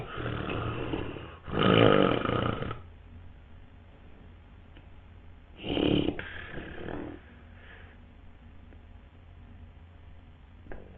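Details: Loud, harsh snores in uneven bursts separated by quieter pauses, shown in the context of obstructive sleep apnoea, where the airway blocks during sleep.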